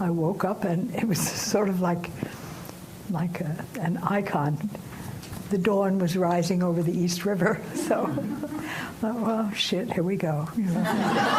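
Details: 89-year-old woman speaking while recovering from aphasia caused by a stroke; aphasia after stroke (recovering).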